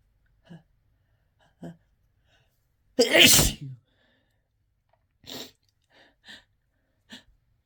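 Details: Uncontrollable, harsh sneezing induced by chhinkni (sneezing powder): one loud, harsh sneeze among quieter sniffs and breaths, with laughter, gasps, snorts and coughs around it.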